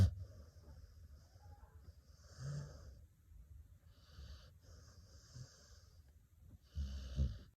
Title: Dog Snoring 😂 Google The Dog